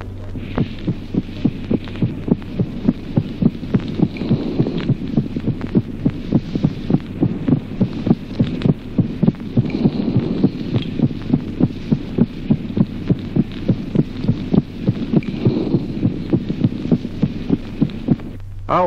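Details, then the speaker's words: Teaching example of a late systolic click of variable occurrence: regular heartbeat with an extra sharp click just before the second sound. The click moves away from the second sound in expiration and becomes more evident. "ejemplo noveno clic telesistólico con incidencia variable poco antes del segundo ruido un ruido adicional Claro que en la expiración se aleja del segundo ruido y se torna así más evidente"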